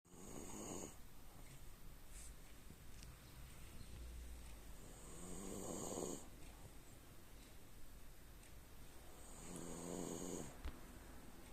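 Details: Tired French Bulldog asleep: three loud, rattling snores at regular intervals about 5 seconds apart; snoring in a short-nosed dog.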